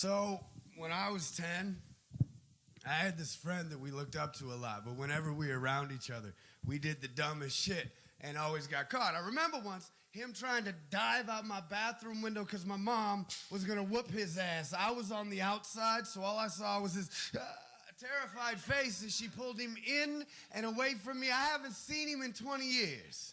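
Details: Adult speaker; ordinary speech.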